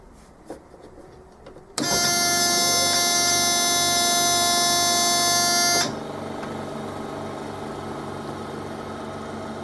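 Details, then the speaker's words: AirSep Elite home oxygen concentrator switched on: a steady buzzing alarm for about five seconds confirms the battery and alarm work, followed by a lower continuous hum of the compressor pump running. "an audible alarm will sound for approximately five seconds indicating that the battery is good and the alarm works in the event of a mains power cuts the concentrator will now run you will hear the compressor pump and sip it's working"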